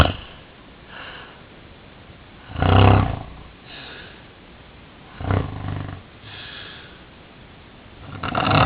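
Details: Person recording their own sleep, believing they stop breathing for up to 40 seconds at a time: loud, low, rattling snores on breathing in, quieter breaths out, some room hiss.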